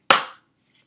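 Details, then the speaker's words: Demonstration firing of an EpiPen epinephrine auto-injector into a notebook: one sharp, loud snap that fades within a fraction of a second as the spring fires the needle, which goes partway through and bends; auto-injector firing. "oh not quite all the way through you can see it's stuck in it see if I can keep this down bent it but yeah I pull one of these through a CD before but so they got some punch behind them but nothing too crazy"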